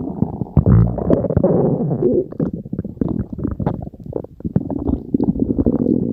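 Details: Bubbling, gurgling rumbles with quick pops and squeaks from an adult's belly; ordinary stomach growling (borborygmi) from digestion.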